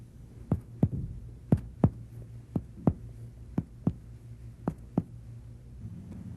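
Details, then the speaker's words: Supine patient, upper body raised 30°, paired percussion taps over left chest in 3rd–6th interspaces: resonant laterally, dull medially toward the heart border; pulmonary resonance to cardiac dullness. "percussion reveals pulmonary resonance laterally and cardiac dullness medially"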